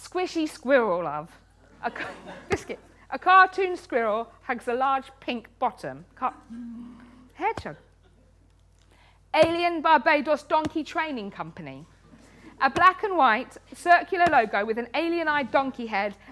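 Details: Adult woman with Tourette's syndrome, a neurological condition causing uncontrollable tics, including coprolalia; frequent involuntary words such as "biscuit" (up to 16,000 times a day), "hedgehog" and "cat"; Tourette syndrome vocal tics.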